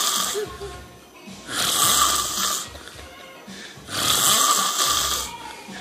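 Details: Loud, rough snores on each breath in, about 25 a minute, from a sleeper who fell asleep seconds after a phone call, over faint background music; snoring.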